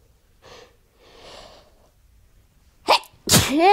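Soft in-breaths build up, then a sharp sneeze and a second louder, longer sneeze trailing into voice; two sneezes.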